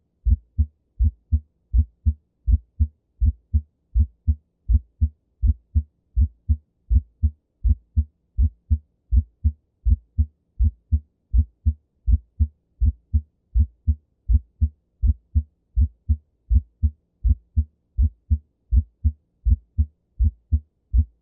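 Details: Regular heartbeat near 80 a minute with the first sound heard as two close taps: split S1, usually a normal finding but can occur with right bundle branch block.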